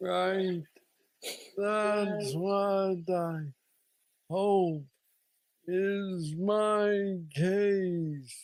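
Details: Man diagnosed with Parkinson's disease at age 35, about nine years earlier, with what he calls the most aggressive form he knows; treated with a brain stimulator implant. Hypokinetic dysarthria.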